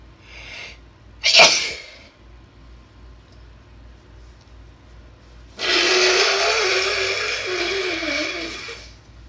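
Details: A sharp single sneeze followed by a long, forceful nose blow, in someone with a cold deliberately inducing sneezes; sneeze.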